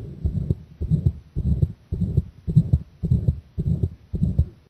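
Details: Own heartbeat recorded under chest pressure, pounding from the start: strong, fast beats at about 105 a minute with heavy thudding low beats.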